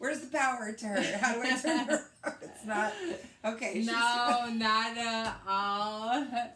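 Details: Woman with aphasia after a hemorrhagic stroke in May 2020, also with right-sided hemiparesis, treated with brain surgery and an ICU stay; the aphasia also affects her reading and writing; post-stroke aphasia.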